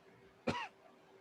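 A single short, harsh cough burst from an adult, with faint room noise behind it.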